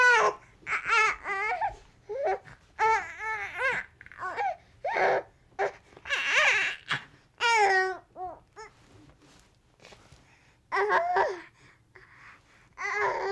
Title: Baby Frustrated Crying - Sound Effects - For Youtube Videos - No#1SoundFX